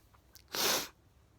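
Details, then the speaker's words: Man with repeated uncontrollable sneezing, fourth or fifth bout that day, watery eyes, throat hurting from stifling; sounds snotty but isn't: single sharp, hissing sneeze after a faint in-breath in a quiet room. "the thing i think the funny thing is when i'm sneezing i'm not really snotty it just it sounds like i am thinks probably from t the tears in my eyes are going into my nose something like that"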